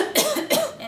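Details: Demonstration of voluntary coughing for airway clearance in post-surgical (abdominal or heart surgery) or respiratory patients, using a six-sip inhalation technique: two quick, forceful voluntary cough bursts.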